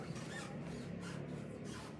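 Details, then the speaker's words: Repeated scratchy, grating bursts over a low hum, a teaching example of a pericardial friction rub, present in about 30% of acute pericarditis cases; pericardial friction rub. "más o menos suena así, ¿ven? ¿Sí? Es un frote pericardio. Eso también se presenta en casos de pericarditis aguda."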